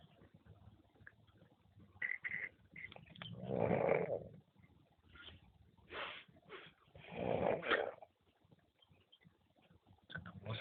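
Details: Two long, rough, rattling snores through the nose and throat with quiet breathing between, from someone who is said to have a big nose; snoring.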